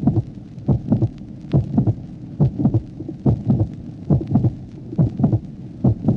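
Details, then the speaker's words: 1966 teaching recording: late systolic murmur, soft and heard only at the end of systole, in a regular heartbeat near 70 a minute; such late systolic sounds are described as minor mitral valve anomalies. "Type particulier de souffle systolique, entendu exclusivement en fin de systole. L'oreille peut déceler cette localisation télésystolique du souffle."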